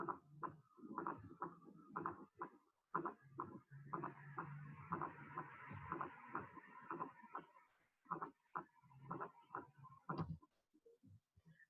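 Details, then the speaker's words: Fourth heart sound (S4): heart sounds with an extra soft beat just before the first sound, described as always pathological, unlike the third sound. "a diferencia del tercer ruido siempre que escucho un cuarto ruido es patológico más para mí"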